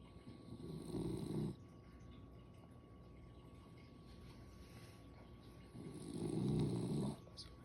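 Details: Sleeping dog snoring: two long, low rumbling snores about five seconds apart, with a quiet steady background hum between them.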